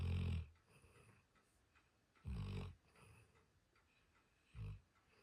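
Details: Dog snoring in sleep: short, low, snorting snores with quiet gaps, three in five seconds, at an irregular pace.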